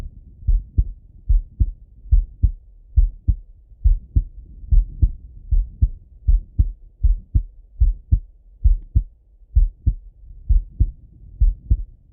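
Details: Male heart auscultated with a stethoscope, recorded partly sitting at a desk and partly lying in bed: steady, regular lub-dub at about 70 beats a minute; normal heart sounds.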